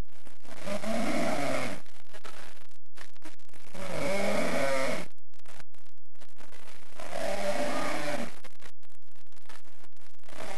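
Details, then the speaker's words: Loud, rattling adult snoring in three long, regular bursts about every three seconds, with quieter breathing between, jokingly presented as a "snoring symphony". "esto es la sinfónica del ronquido"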